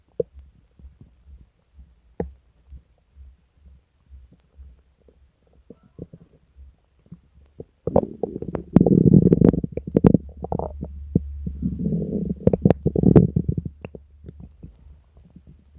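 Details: Person sick for several days with stomach pain, diarrhea and nausea: faint gut clicks, then several seconds of loud, deep gurgling and growling rumbles; borborygmi.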